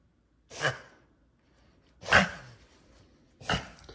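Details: Dog Milo gives three harsh, explosive coughs spaced a second or more apart in a quiet room; described as bad coughing.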